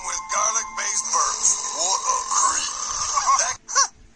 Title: Third Burping Tournament, First Round, Fourth Battle